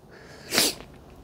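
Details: A single sharp, hissing sneeze against quiet room noise, from an adult who is a bit sick.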